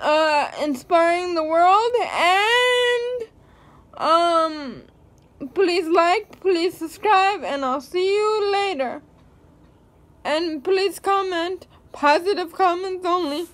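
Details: Speech of a woman with cerebral palsy; whether her speech is affected is not stated.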